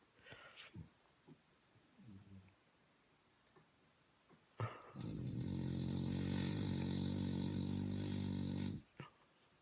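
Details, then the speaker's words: Bulldog snoring loudly: a few soft snuffles, then one long, deep, vibrating snore lasting about four seconds. "Do you think you can keep it down to a dull roar?"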